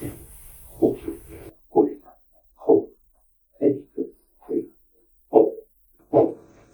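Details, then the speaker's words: Handheld Doppler probe over an ankle artery during an ankle-brachial index test for peripheral arterial disease, getting a strong signal before the pressure reading: regular pulsing whooshes at about 70 per minute, an arterial pulse signal. "And you want to make sure that you have a strong sound before you start."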